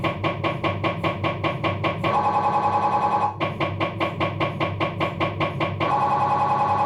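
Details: Abdominal MRI on a Philips 1.5T scanner, diffusion sequence: fast, loud mechanical knocking at about 150 a minute alternating with buzzing tonal stretches, MRI scanner noise.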